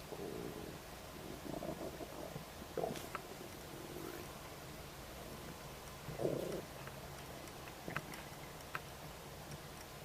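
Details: Stomach noises just after eating a snack of ribs: ongoing low gurgling and bubbling rumbles with several louder squelches; normal borborygmi after a meal.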